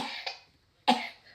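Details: Two short, harsh coughs from a child with a brief pause, in a small room; the child had been coughing all night and is getting ready for school.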